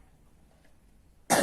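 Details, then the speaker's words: Nursing student teaching the effective cough technique to a woman in TB health education, one hand on chest and one on abdomen: two breaths, a held breath in near silence, then one forceful cough to clear sputum. "Lalu lagi yang terakhir itu tarik nafas, lalu ditahan, lalu dibatukkan Bu. Gitu."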